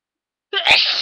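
A short intake of breath, then one loud, hissing sneeze: a single sneeze.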